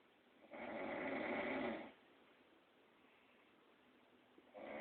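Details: Sleeping woman with a rough, buzzing snore of about one and a half seconds, then quiet, next snore starting; a dog nearby is trying to sleep; snoring.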